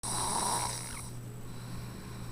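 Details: Snoring, recorded 1-10-09: a brief rattling, snorting breath against a steady room hum.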